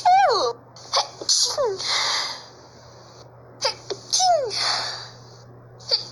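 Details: Person in Brazil sneezing after not having sneezed for a long time: a rising 'ah' intake, then forceful hissing sneezes, repeated, with a short final burst.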